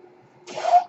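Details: Faint steady hum, then a brief rising hiss of rushing air lasting under half a second from the male podcaster's own ventilator, heard during his speech; a mechanical ventilator breath.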